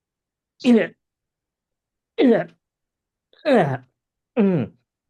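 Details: Four short, voiced throat clears in a row with brief pauses, in a quiet room, from an adult man with long COVID who says these spasm-like symptoms began after COVID: repeated throat clearing.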